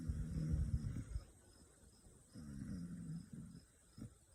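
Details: Indy, a 14-week-old Kangal puppy, snoring in sleep in a room full of dogs: low, rumbling, fluttery noises in slow bursts with quiet gaps between them.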